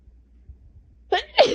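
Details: After a quiet lead-in, a loud explosive sneeze, then a second burst right after; sneezing during a cold with 3 days of sinus pressure, 2 days of fever, and asthma-related chest tightness.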